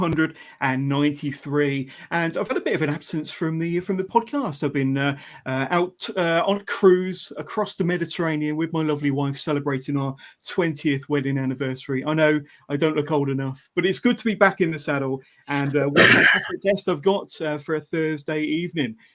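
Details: Adult male speaker; Normal speech.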